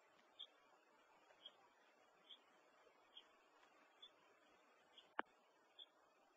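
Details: Small pet bird coughing after choking while eating: a run of about seven faint, high, clipped coughs in a quiet room.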